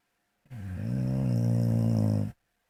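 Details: One long, low, rumbling vibrating breath lasting about two seconds; snoring.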